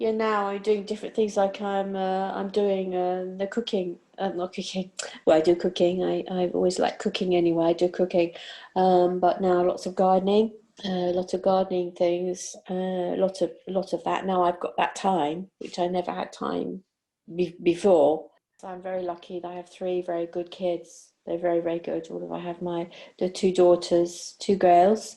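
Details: 62-year-old with aphasia after a stroke during sleep about 18 months earlier, with word-finding and comprehension difficulties.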